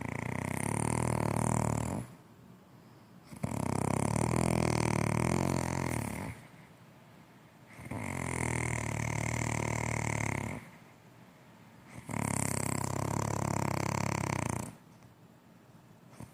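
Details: Mother snoring: loud, rattling snores with each breath, about 14 breaths a minute, separated by quiet pauses.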